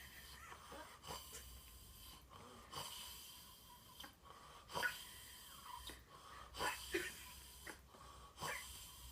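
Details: Sister snoring in sleep: irregular noisy breaths with high whistling, squeaky tones, about 33 a minute; whistling snoring.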